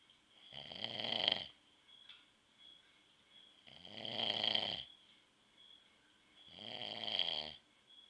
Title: dad snoring (4)